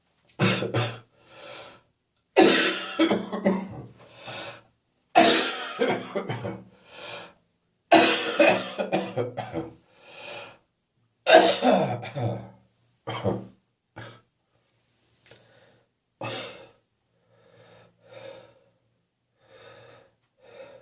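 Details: An adult gives repeated bouts of harsh, rattling, phlegmy coughs that continue; productive (wet) cough.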